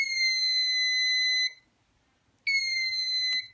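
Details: Two long, steady high-pitched electronic tones with a short gap; BodyGuard 323 infusion pump alarm in continuous mode at 100 ml per hour, stopping because no fluid was primed, in a training demonstration.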